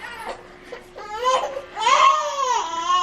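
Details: Short whimpers rising into a sustained, strong, tonal cry: a 4-week-old baby girl crying with hunger at feeding time while her bottle is prepared.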